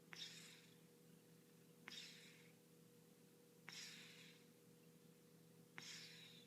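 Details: Sleeping cat breathing loudly like snoring: soft hissing breaths, each starting with a small snort, about 33 a minute, over a steady hum.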